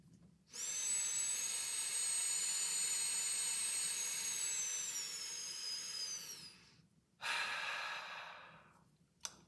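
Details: Long, steady whistling hiss of a slow inhale through The Breather resistive trainer, inhale dial at setting 2, then a shorter unresisted exhale; inspiratory muscle training, diaphragm first, chest second, shoulders still.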